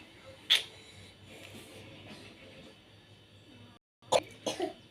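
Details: Young sick child coughing since the previous night: three short, sharp coughs with faint music in the background.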